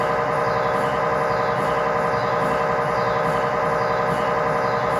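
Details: MRI scanner acoustic noise recorded inside the scan room during a test tibia/fibula (lower leg) MRI in a controlled environment, using a GE high-definition lower extremity coil (stated as 16- or 8-channel): loud, steady, rhythmic electronic buzzing and pulsing at roughly 90 a minute.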